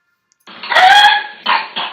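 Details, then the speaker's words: Whooping cough (pertussis) example: a long, high-pitched rising whoop followed by two short harsh cough bursts; coughing comes in bouts lasting weeks or months, leaving one unable to catch breath. "so here's an example hooping cof when you get hooking you cough for weeks even months coughing comes in bouns that won't stop you can't get your breath you feel like you're coughing up your lungs"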